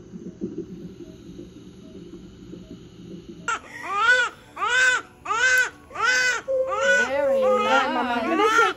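Newborn crying in short rhythmic bursts, about 85 a minute, with a strong clear voice; a normal cry just after birth. Quiet room beforehand.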